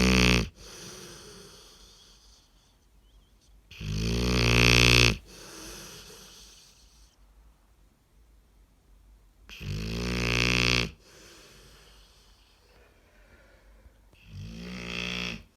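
Loud, rough snores with voiced, rattling inhalations about every five to six seconds, separated by quieter breathing; a sleeping dog snoring.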